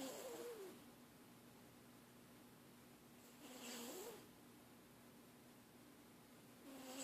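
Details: Sleeping cat that always snores: soft, rasping snores with a faint whistling edge, about 17 a minute, over steady room hum.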